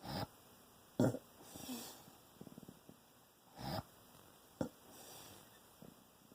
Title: Sounds like he's drowning in sleep/snore mode